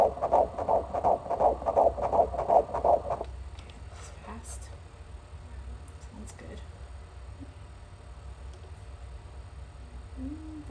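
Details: Fetal heartbeat on ultrasound at about 12 weeks of pregnancy, midwife appointment: fast, regular whooshing pulses about 165 a minute, then a quiet room; normal fetal heartbeat.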